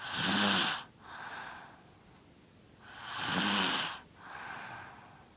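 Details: A 5-year-old child snoring loudly. Two cycles of harsh, rasping inhalation and softer exhalation at about 20 breaths a minute.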